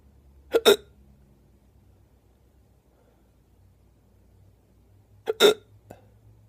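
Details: Two sharp, abrupt hiccup bursts about five seconds apart in a quiet room, with a faint third catch after the second: hiccups.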